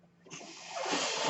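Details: A man's own ventilator heard while he records a podcast: a soft airy hiss builds steadily as the mechanical ventilator delivers a breath.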